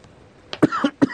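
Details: Adult TV guest coughing during an interview, three quick loose coughs in a row; guest reports testing negative for coronavirus twice.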